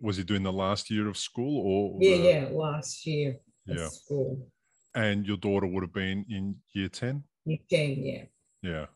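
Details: Adult speaker in conversation; Normal speech.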